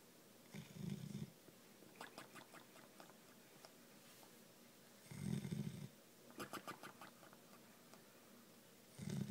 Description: Dig snoring after playing at the cottage